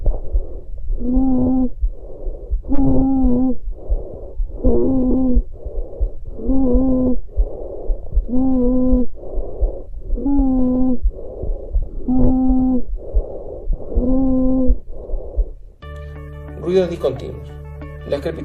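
Loud, harsh, musical crowing on each breath, about 32 breaths a minute, with rougher airflow between; stridor from upper airway narrowing. Brief music at the end.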